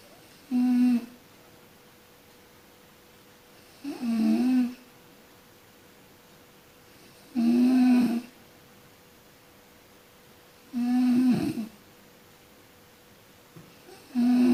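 Regular, buzzing snores repeating every three to four seconds, about 18 per minute, separated by quiet pauses.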